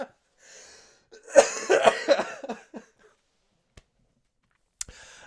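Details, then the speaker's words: Adult man with a lingering cough of nearly three weeks, taking NyQuil, coughing while talking: a run of about five harsh, rapid coughs, then a quiet throat clear; coughing fit. "arly three weeks now and I just can't get rid of it I was hoping I'm gonna drink some more holy moly"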